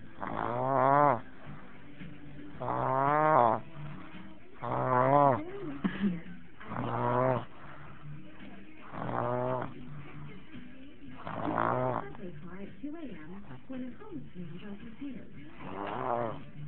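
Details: A sleeping baby makes repeated voiced, rattling snore-like sounds about every two seconds, roughly 29 a minute; snoring.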